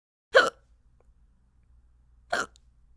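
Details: Animated cartoon character Pencil hiccuping during a kindergarten numbers lesson: two abrupt, clipped, voiced hiccups about two seconds apart with silence between. Acted, not real, hiccups.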